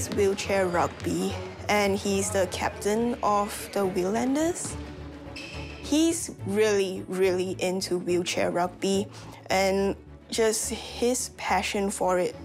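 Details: Adult woman speaking, music in background; ordinary speech.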